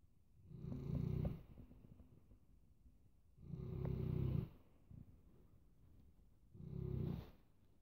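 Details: Sleeping Newfoundland dog: three deep, rumbling snores, one on each breath about every three seconds, roughly 20 breaths a minute, with quiet pauses between; snoring.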